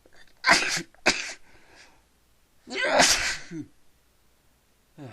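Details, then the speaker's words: Repeated sneezing after inhaling pepper and trying to sneeze it out: two loud explosive sneezes in quick succession, then a third after a short pause, each with a voiced tail. "Oh man, that's better. Phew. There comes another one. I'm gonna sneeze again."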